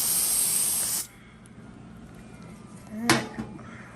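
A one-second hissing aerosol burst, then quiet room noise: cold spray chilling the skin of a toe before a numbing injection.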